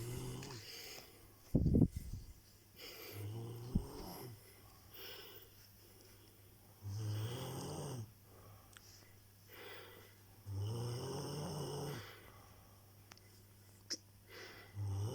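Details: Snoring during sleep: low, rumbling snores recurring about every three to four seconds, with quiet gaps between.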